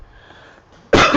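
A quiet indoor moment broken by one sudden, loud, harsh cough burst near the end; a single cough in an adult with a cold.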